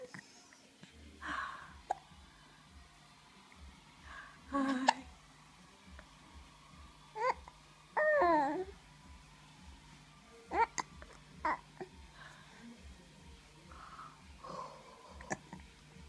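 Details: Infant: quiet sounds with brief sharp catches about 18 a minute, irregular, over a steady low hum; hiccups.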